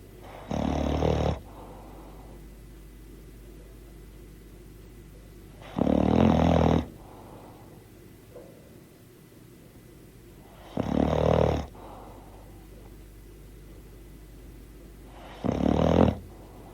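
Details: Bulldog snoring: four loud, rough, rattling snores at about 14 per minute, each followed by a softer breath out.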